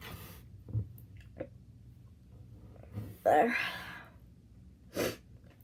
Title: Making my self sneeze